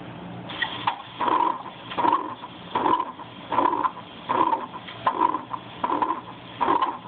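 Regular harsh whooshing bursts at about 77 beats a minute, an aortic stenosis murmur played through a speaker.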